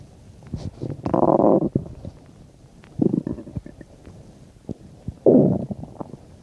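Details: Bowel sounds 10–15 minutes after eating a bean and cheese burrito: three bursts of low gurgling, rumbling abdominal sounds separated by quiet gaps with faint clicks; active borborygmi during digestion.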